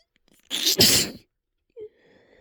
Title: drippy holdback gives way to wet, spraying sneezes